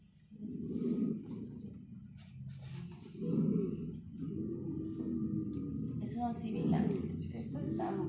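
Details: Lung auscultation: musical, low-pitched whistling sounds recur with each breath, a wheeze through narrowed airways.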